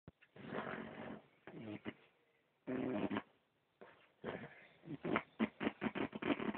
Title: Friend Sounds like a Tractor Snoring